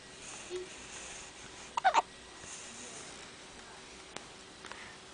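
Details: Single short hiccup burst from a little boy, in a quiet room with faint background noise; infant hiccups.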